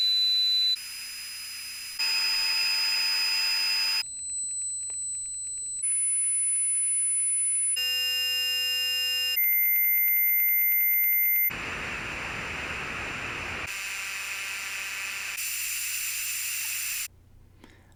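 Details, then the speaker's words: Simulated tinnitus examples from a person with Meniere's disease, a sequence of steady synthetic ringing, whistling, buzzing and hissing sounds; tinnitus simulation. "you can see those sounds are horrible and annoying these sounds don't go away ever and they may increase or decrease in intensity at any time"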